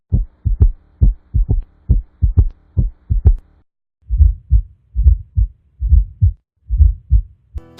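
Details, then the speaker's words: Simulated right ventricular gallop (S3 and S4), heard with the bell at the left lower sternal border, 4th–5th intercostal spaces (tricuspid area): low-pitched heartbeat with extra soft sounds per beat. "Right ventricular S3 and S4 sounds (gallops) can be best heard in this area with the bell."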